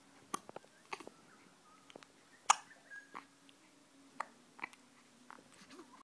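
Several brief, sharp catching sounds at irregular intervals over a quiet room background, fitting infant hiccups.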